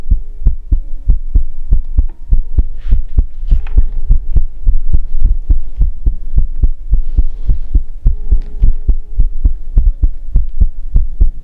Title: Heartbeat asmr | 2022-06-10